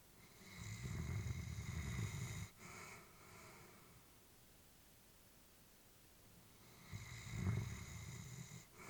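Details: A deep rumbling snore on inhalation with a soft snort, then a quiet pause, from an elderly Labrador sleeping peacefully.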